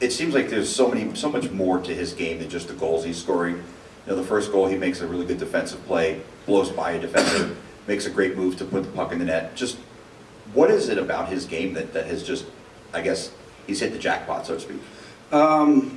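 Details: Adult male speaker; typical voice.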